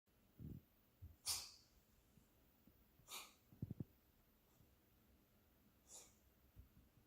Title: Cat Makes Herself Cough - Weird!